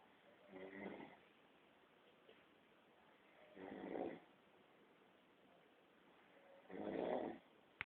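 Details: Father snoring: three rattling, throaty snores about every three seconds, each on an in-breath, with quiet between them; ordinary snoring.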